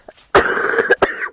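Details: Girl with a cold who says she is coughing a lot, while live-streaming a video game: a faint throat sound, then two sharp, harsh cough bursts in quick succession, cough due to a cold.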